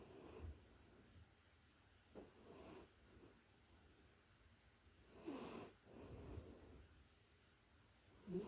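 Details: Puppy in deep sleep, close-up recording: soft, irregular snorting breaths with quiet gaps, a few per minute; gentle normal snoring.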